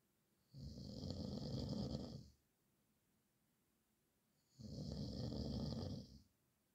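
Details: Snoring described as the nightmare of one's nights: two long, rough, rattling snores separated by quiet pauses, about one snore every four seconds; ordinary snoring.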